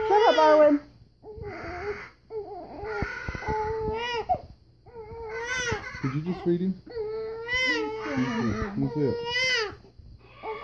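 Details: Infant boy with hiccups cries in fussy, whimpering, rising and falling wails with breaths between, in a small room; a pet bird screams whenever he cries.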